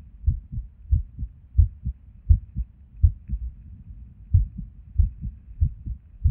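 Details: Resting heartbeat recorded at Erb's point while sitting at a desk, heart often skippy with or without reason: soft lub-dub sounds, unevenly spaced with an occasional longer pause; an irregular rhythm with skipped beats.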